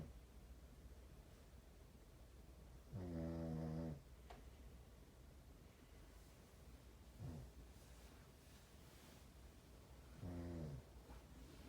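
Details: Snoring recorded for a snoring contest: deep, rumbling inhaled snores in a quiet room, separated by pauses of several seconds.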